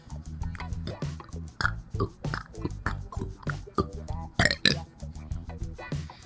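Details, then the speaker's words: Boy deliberately burping as a talent: a rapid run of deep, throaty belches repeated many times over, with music playing underneath: voluntary burping. "Okay, so my talent is burping. If you want to see a performance, sorry if you're grossed out, please."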